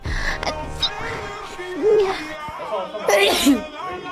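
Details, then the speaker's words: Several sneezes from girls with sharp bursts of air and voiced tails over background music, ending with a final sneeze played as an unexpected contrast; edited compilation for entertainment. "These sneezes are funny, but wait till you see the last one."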